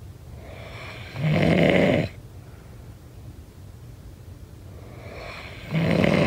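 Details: Snoring during sleep: two loud, rasping snores on the in-breath about four seconds apart, with quiet breathing between.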